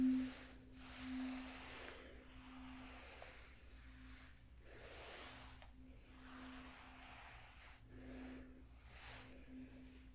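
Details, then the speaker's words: Simulated tuning fork hearing test, done three times in an ASMR role-play cranial nerve exam: a soft pure tone from a struck fork that fades and repeats, with the listener asked to say when it can no longer be heard. "we're going to do the tuning fork test okay going to do it three times and you let me know when you can no longer hear the S"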